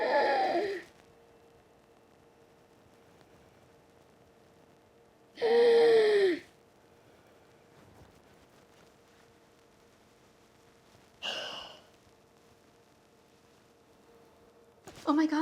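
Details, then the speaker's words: Simulated asthma wheezing: an adult comedian acts out a childhood asthma attack with four loud, whistling, strained gasps separated by pauses. "as a little kid I had two main traits I was angry and I was asthmatic which is a terrible combination"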